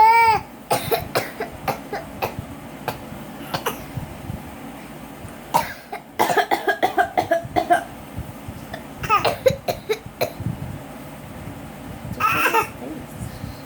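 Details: A young boy imitates his mother's cough for fun: short, playful cough-like bursts in a series of clusters.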